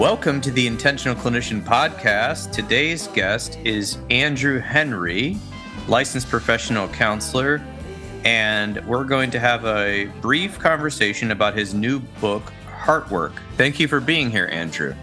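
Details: Adult male podcast host; normal speech.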